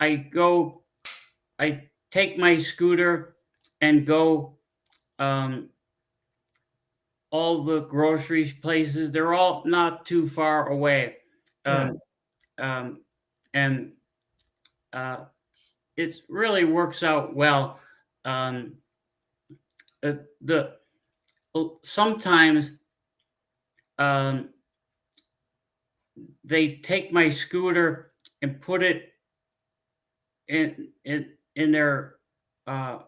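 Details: Adult man, former pilot, with aphasia from a stroke 15 years ago; he cannot read or write, uses a scooter and gets therapy on his arm; frequent fillers, pauses and word-finding difficulty; aphasia after stroke.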